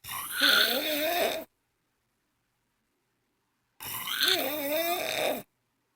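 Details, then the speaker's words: Woman snoring during sleep: two loud, rough, voiced snores about two and a half seconds apart, with quiet pauses between. "oh this is what I do all night long"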